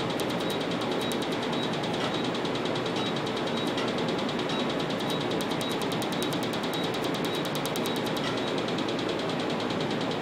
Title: Tattoo Removal 3